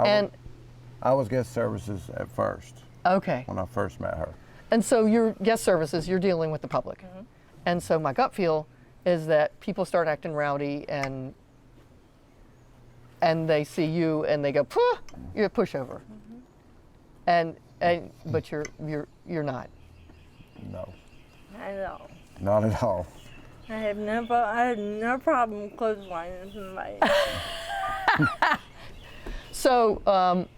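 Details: 40-year-old woman with athetoid cerebral palsy, GMFCS level 3/4, moderate to severe physical involvement from quadriplegia, using a walker and power wheelchair; dysarthria.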